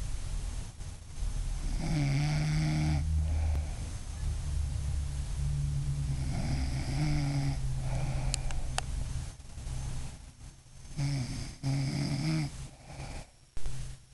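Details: Adult mother snoring while asleep: loud, deep rumbling snores repeating with the breathing, some rattling and fluttering, in a quiet room; heavy snoring.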